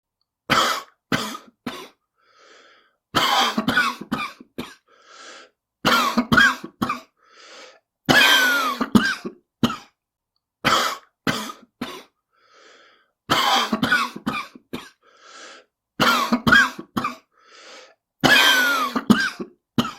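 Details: Smoker's cough: repeated harsh coughing fits of several coughs each, with audible breaths between.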